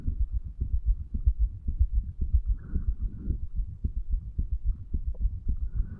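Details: 35-year-old man, stethoscope recording over the tricuspid area, placed lower to hear more muscle; recorded under the effects of medical marijuana and nicotine: steady, brisk, regular low dull heart thumps.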